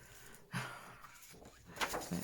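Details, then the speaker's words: A sleeping dog snoring with soft, rough breaths, heard faintly against quiet room noise. "i'm just gonna hold over that's daisy snoring if you can hear that"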